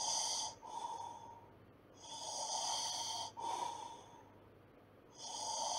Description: Snoring sounds noise. For stress relief or reducing and sleep.